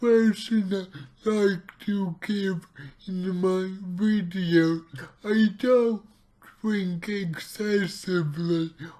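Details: Male speaker with his own cerebral palsy, real not acted, trying a keto diet; dysarthric speech (cerebral palsy).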